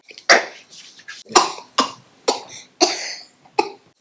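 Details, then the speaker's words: About six short, sharp coughs in quick succession in a small room, acted to show people coughing without covering their mouths; simulated coughing. "have you ever seen people sneezing and coughing without covering their mouths here's what it looks"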